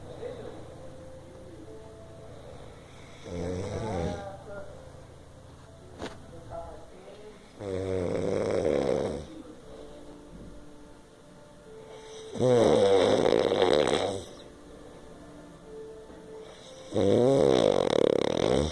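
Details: Person snoring: loud, rattling snores on each inspiration, about every four to five seconds (roughly 13 a minute), with quiet room noise between them.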